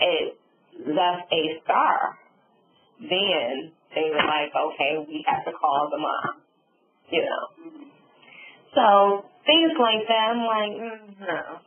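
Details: Adult female stroke survivor with aphasia and apraxia of speech following a subarachnoid hemorrhage and stroke; she reports sometimes being unable to think of the word.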